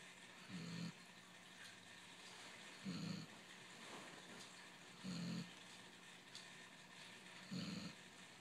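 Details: Basset hound snoring: low rumbling snores, four in about eight seconds (roughly 28 breaths a minute), in a quiet room.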